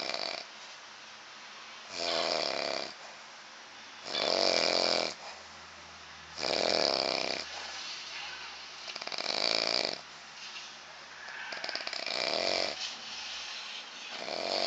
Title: His snore sound like a herb of animals 9/15/2011